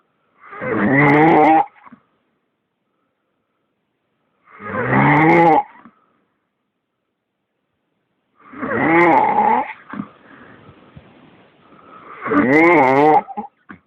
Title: Worst snore ever!